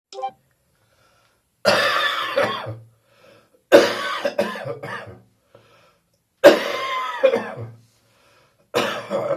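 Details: Recovering from bronchitis, shortly after getting up in the morning: four bursts of wet, rattly coughing runs bringing up residual phlegm; coughing fit.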